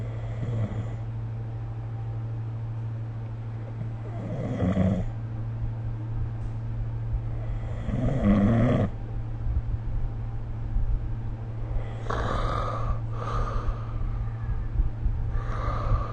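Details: Rough, rattling snores recur about every four seconds during sleep over a steady low background hum, recorded with the SnoreLab snoring app.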